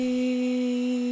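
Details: Young female college student, first phonation two weeks after CO2 laser removal of a vocal fold polyp and two weeks of voice rest; vocal folds vibrate fairly flexibly, with a small residual dog ear at the cut edge.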